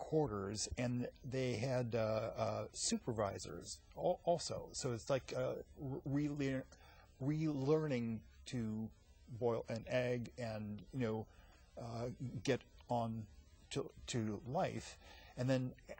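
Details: Aphasia in an adult man after a massive stroke 15 years earlier; he reports a hole in his heart. His speech is effortful, with many hesitations and fillers.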